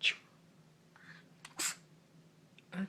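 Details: A dog sneezing on cue as a trick: a few short, sharp nasal bursts with quiet room noise between them.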